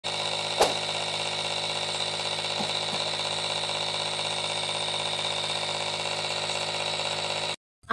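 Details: Elite Tokyo Japan compressor nebulizer, about 8 years old and still working: steady motor hum with a fine rapid buzz and a few faint knocks while running, then it stops.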